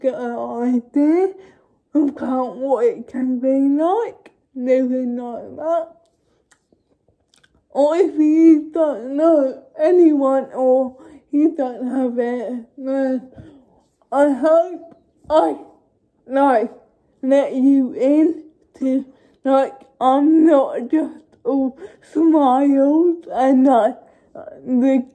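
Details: Young woman who states she has cerebral palsy, speaking spontaneously (real, not acted); dysarthric speech associated with cerebral palsy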